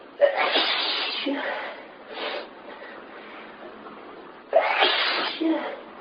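Several forceful, explosive sneezes in quick succession, with brief pauses between bursts: a sneezing fit.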